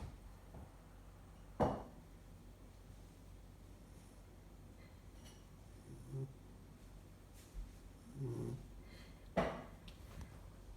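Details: Sleeping puppy that always snores loudly, audible from another room: scattered low, rough snores and short snorts in a quiet room. Finding: snoring.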